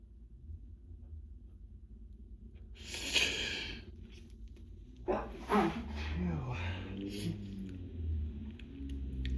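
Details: Hay fever sneezing fit: two forceful, wet sneezes in a quiet room, then heavy breathing and a low hum, one bout in a long run of repeated sneezes, sneezing into a hand towel.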